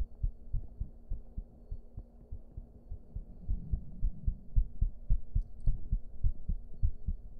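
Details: Low, regular thumping heartbeat at roughly 105 a minute, slightly fast, with a faint hum, from a streamer.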